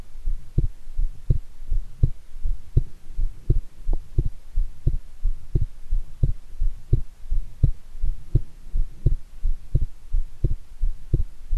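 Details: Strong, regular lub-dub heartbeats at about 87 a minute, recorded after a shower and amid excitement: a forceful heartbeat.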